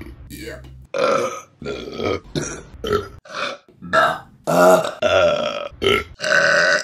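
A run of loud, drawn-out voiced belches, one after another with short gaps between them. Repeated burping.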